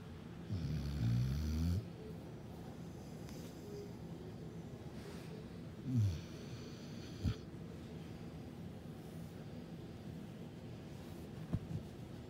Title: My dog snoring